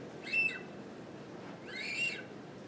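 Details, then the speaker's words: Two short high whistles on each exhalation through a Whistler guide attached to a nasotracheal tube advancing toward the trachea in a breathing patient; the whistle stops if the tube enters the esophagus; ACLS teaching. "as you get it down into the trachea you should still hear it whistle if you go into the esophagus the whistle goes away you know you're in the long pipe"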